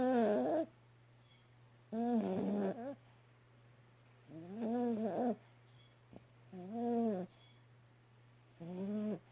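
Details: Loud snoring in a Yorkshire terrier: loud, tonal, whistling-whiny bursts about every two seconds, roughly with each breath, over a steady low hum.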